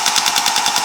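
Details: Shockwave therapy device on the forearm/hand of an adult male climber and woodworker with forearm and hand pain, possibly carpal tunnel; rapid, rough mechanical tapping pulses like a small jackhammer.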